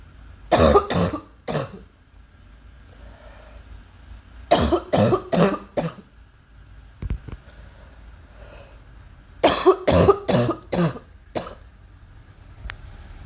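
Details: Three bursts of repeated coughing, about fourteen coughs in all, with quiet pauses between; an ongoing, persistent cough.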